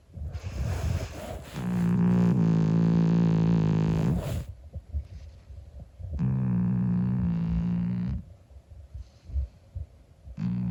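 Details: A 25-year-old calico cat snoring in sleep: loud, low, buzzing snores in long drawn-out breaths, with quieter rustling gaps between them.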